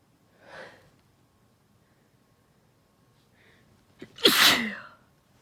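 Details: Induced sneezing after a cold in a female: a soft sniff, a brief inward catch, then one forceful sneeze; sneezes got stronger, leaving her a little dizzy.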